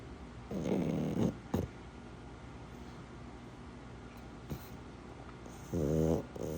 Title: KingPug snoring loudly.